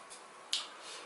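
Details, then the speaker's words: Jaw joint click on mouth opening: one sharp, crisp click with a fainter tick before, in a patient with a missing lateral incisor and facial asymmetry; temporomandibular disc displacement with reduction, attributed to bite problems. "꽉 물면 d 스카프로 나오고 입을 벌릴 때 걸렸다가 어긋남 에서 소리가 납니다 이게 관절 잡음"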